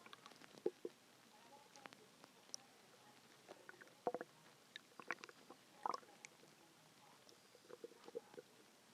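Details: Loud hungry stomach growling recorded just after a longer clip: scattered gurgles, squelches and short bubbly rumbles from the belly over a quiet background, ordinary borborygmi.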